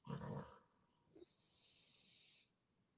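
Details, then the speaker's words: Large dog sleeping in the background after digging in the ground: a brief low rumbling snort, then a soft drawn-out breathy exhale; snoring. "oh [ __ ] big anubis in the background getting this snore on i don't know if y'all hear it"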